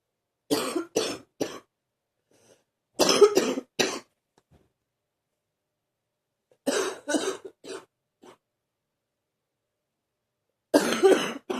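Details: Deep cough in someone feeling a bit better: about a dozen deep, forceful coughs in four short bouts of three or four, with quiet pauses between.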